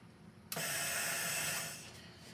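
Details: Mallard 2800 anesthesia ventilator with the inspiratory time changed to one second, pushing about eight liters. A steady rushing hiss of gas drives the bellows down for about one second and then fades.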